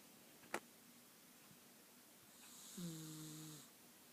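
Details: Calico Himalayan cat snoring with one eye open: a single drawn-out, slightly tonal snore on an inward breath, preceded by a brief click, in a quiet room.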